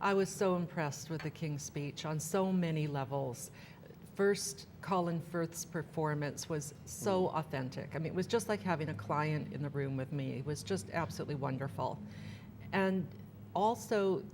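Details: Adult woman; typical speech.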